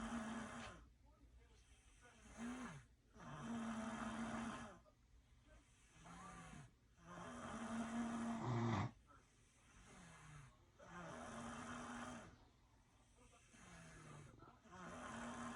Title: Snoring contest?